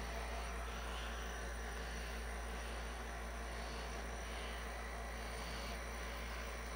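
A steady, unbroken mechanical drone with a low hum and airy hiss, holding the same loudness throughout: a nebulizer compressor running.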